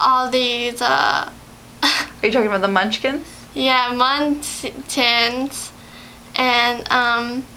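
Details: Adult speaker in a small room, possibly with a second speaker; typical speech.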